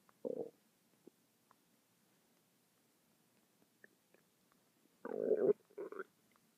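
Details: Stomach noises that went on non-stop for 10 minutes: in a quiet room, a few brief low gurgles and a longer rumbling burst, ordinary stomach rumbling (borborygmi).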